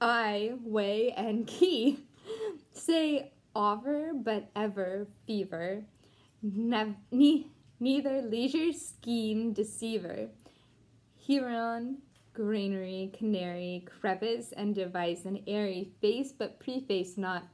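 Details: Deaf woman, once completely mute, who taught herself to talk again and cannot hear herself, reading an English poem aloud; deaf speech.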